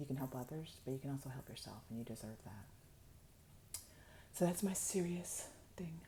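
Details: Reduced voice loudness (hypophonia) in an adult woman with upper motor neuron dominant ALS, late in a long monologue; she says her voice gets quieter the more she talks and uses a microphone.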